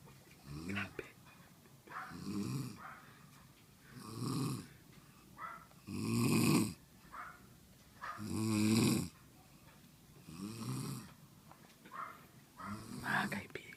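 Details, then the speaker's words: Loud, rattling snores about every two seconds with quieter breaths between, growing louder as the snorer is approached; heavy snoring. "kasama ko si Jason Hahanapin namin yung humihilik ang lakas dito malapit lalong lumalakas yung boses Jason"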